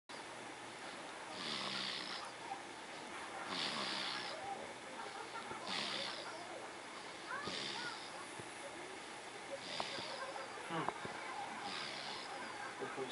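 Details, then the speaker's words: Sleeping baby described as snoring loudly: soft, hissy breathing sounds about every two seconds, around 28 a minute, over steady background noise; light snoring. "snoring. Can you hear him?"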